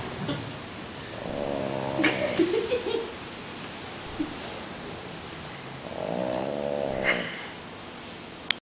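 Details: Sleeping female French Bulldog (flat-faced small dog): two drawn-out nasal snoring breaths about five seconds apart with snuffling between; snoring likened to a fat drunk man.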